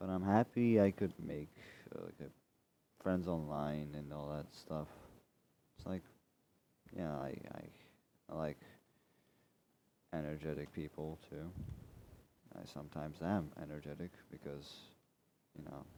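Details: Stuttering with repetitions in a male speaker who reports dyslexia, describes himself as slightly autistic, and says he keeps stuttering over his own words.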